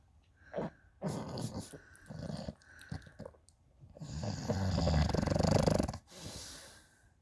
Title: Snoring bulldog